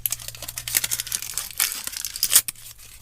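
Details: Simulated ASMR wilderness medicine scenario, not a real patient: crinkly tearing and rustling as a plastic cover is ripped off an IV blood product bag for a hypotensive patient with blood loss, in a quiet room.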